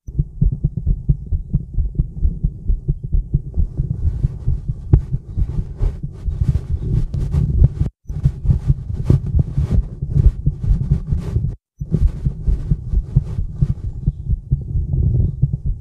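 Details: Adult woman's heartbeat recorded outdoors in the woods in the evening, with some stomach noises: rapid, somewhat irregular low thumping, about 130 a minute, over a steady background hum; a fast but normal heartbeat.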